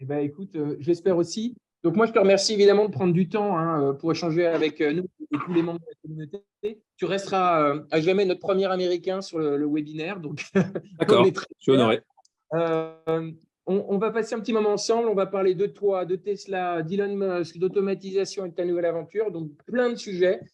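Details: Adult man speaking French, online call; normal conversational speech.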